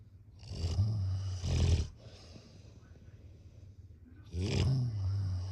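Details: Snoring.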